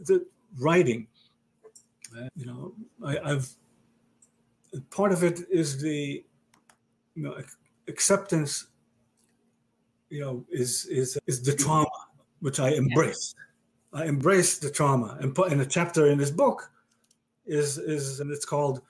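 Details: Male stroke survivor with aphasia diagnosed after a stroke about 30 years ago; aphasia.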